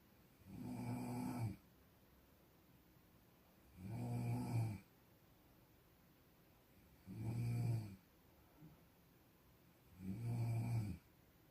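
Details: Snoring: low, rumbling snores recurring steadily at about 19 breaths a minute, with quiet pauses between.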